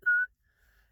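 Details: An adult man with Tourette's syndrome gives a single short, steady whistle that breaks out and then fades to quiet: whistling vocal tic.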